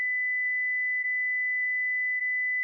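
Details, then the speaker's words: Philips HeartStart FRx AED training demo, pads placed on a child, including one on the back: after the prompt "Deliver shock now," a steady, unbroken high-pitched tone sounds as the shock is delivered. "Stay clear of patient. Press the flashing orange button now. Deliver shock now."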